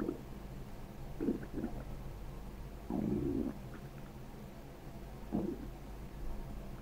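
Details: Bowel sounds from a sleeping girl's stomach, ASMR recording: several gurgling, bubbling rumbles over a steady low background hum; ordinary active bowel sounds.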